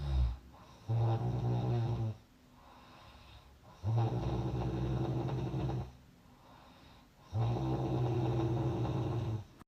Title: Stop the Snoring! Effective Solutions for a Better Night's Sleep